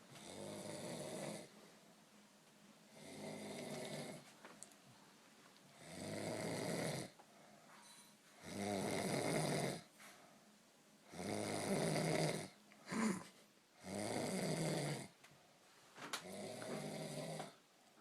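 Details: Person snoring after a few too many beers: loud, rough rattling snores on each breath in, about six in 18 seconds, with quiet pauses between.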